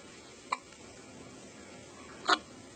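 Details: Hiccups from someone who had been falling asleep a moment earlier.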